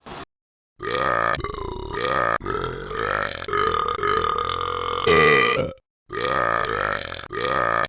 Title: Talking Ben burping abc's